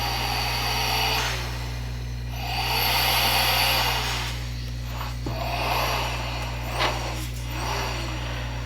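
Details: Transcend Micro travel CPAP running off an aftermarket battery: a steady blower hum with rising and falling airflow whooshes.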